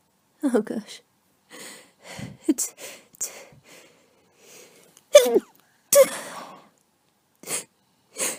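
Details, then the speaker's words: Several sharp sneezes in a row with short gasping breaths and sniffles between, from a cold; the person says it tickles and they can't stop; repeated sneezing. "it tickles so much. I can't get it. Can't. I can't stop."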